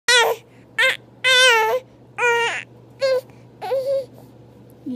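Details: Infant aged three months and one day, fussing during tummy time: six short, loud, high-pitched wails with brief pauses between them; fussy infant crying.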